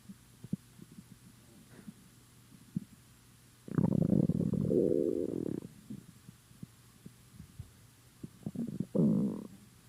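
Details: Borborygmi from an empty, hungry stomach: low gurgling and rumbling from the belly, with scattered clicks and two long growls.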